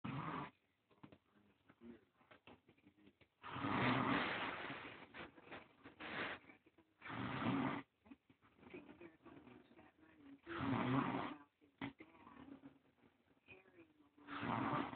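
Loud, rough, rattling snores recurring about every three to four seconds, with quieter breathing noises between; heavy snoring.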